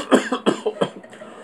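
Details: Three quick, harsh cough bursts in rapid succession, acted for a skit; a simulated bad cough.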